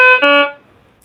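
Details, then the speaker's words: Completion alarm on an SPA112 syringe pump after the set 5 mL volume has infused: two short tonal beeps, the second lower. The pump then switches automatically to KVO (keep vein open). "5എ infuse ആയപ്പോൾ ഇവിടെ completion alarm വന്നു"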